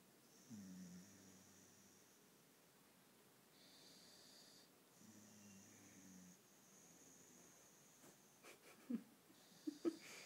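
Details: Sleeping Staffordshire bull terrier foster dog snoring after heavy exercise: soft, low snoring breaths at long intervals, with faint background noise.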